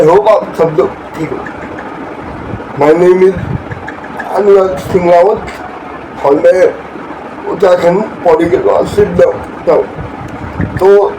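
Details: Dysarthria in a male speaker with cerebral palsy from birth, born at seven months; he says he has problems with speaking, working and other tasks; dysarthria (cerebral palsy).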